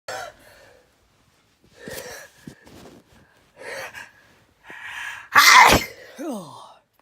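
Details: Sneezing: several quick gasping in-breaths build up to one loud, explosive sneeze, followed by a short vocal sound.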